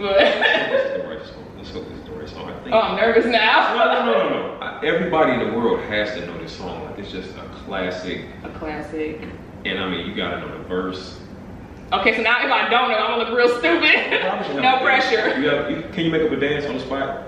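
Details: Adult speakers in conversation; typical speech.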